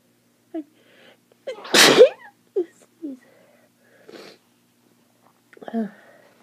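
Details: Wet allergic sneezing in the morning from pollen at the end of summer: one loud forceful sneeze with short breathy intakes and small vocal sounds around it.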